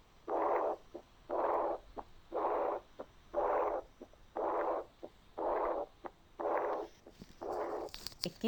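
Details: Teaching recording at the aortic area with the stethoscope diaphragm, severe lesion: a loud blowing murmur with each beat at about 60 a minute, from severe aortic regurgitation.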